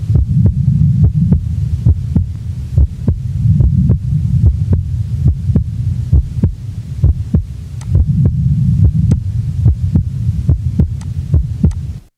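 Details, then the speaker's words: Normal individual recorded at the left base: regular heart sounds at about 70 a minute, with physiological splitting of the second heart sound on each inspiration and breath sounds in the background. "the next example is also that of a normal individual the recording is from base left a physiological splitting is heard with each inspiration breath sounds are heard in the background"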